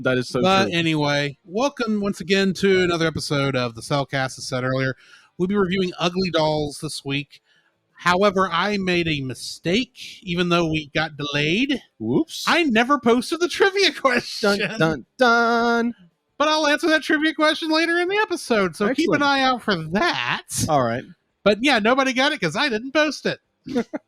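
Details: Adult speaker; Normal voice.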